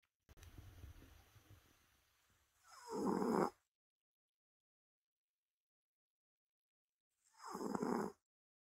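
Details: A sleeping, healthy Ragdoll cat snores loudly: two rough snores about four and a half seconds apart, with quiet between them.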